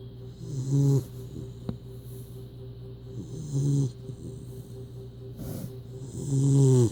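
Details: Deep, rumbling, grown-man-like snores from a sleeping puppy, three breaths in seven seconds, with a low steady background hum; snoring.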